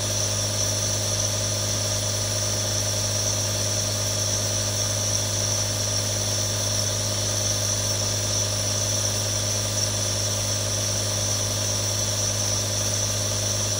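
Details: Real recording of three different nebulizers for relaxation ASMR: a constant mechanical drone with low buzz and breathy hiss, a nebulizer compressor running without pause.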